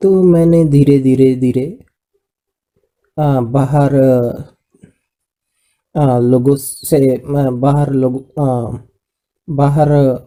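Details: Adult man with aphasia after a brain stroke and brain haemorrhage in 2014 that left him unable to speak, after about 2 years of speech therapy; he understands but still has some difficulty producing words; aphasia.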